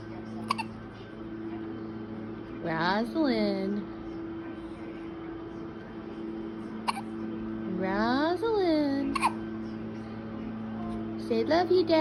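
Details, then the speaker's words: Awake baby girl with hiccups: short hiccup clicks recurring every few seconds, with small baby vocal sounds over a steady background hum. "You are wide awake, aren't you, pretty girl? Wide awake. With your hiccups."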